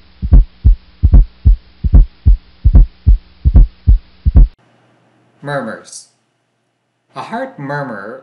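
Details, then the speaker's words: Teaching example of heart auscultation for nurses: regular low heart sounds near 74/min with an extra soft sound just before S1, the "stiff wall" cadence. Fourth heart sound (S4 gallop). "another good mnemonic to remember the cadence and the pathology of an s4 is a stiff stiff 1/5 are being s for spiff being s1 and well-being as to practice saying a fifth wall a stiff wall allowed as you listen to this"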